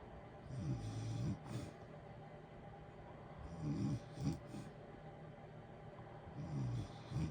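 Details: Natural snoring from a sleeping adult, low rattling snores roughly every three seconds over steady heater white-noise hiss: snoring.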